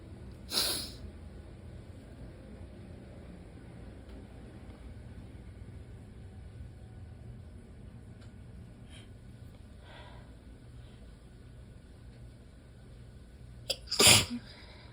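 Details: Messy allergy sneezing fit, mostly into the elbow and some into the hand: two sneezes separated by quiet breathing.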